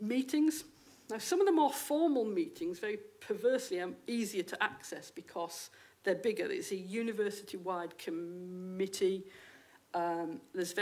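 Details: Stammering (stuttering) in an adult female sociologist and senior lecturer who states she has a stammer; real, not acted.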